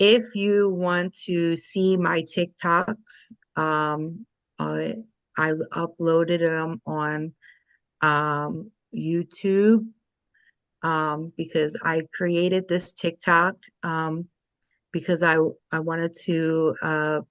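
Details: Aphasia in a woman after a stroke at age 37 caused by moyamoya disease, onset December 5, 2022 during sleep; left side affected first.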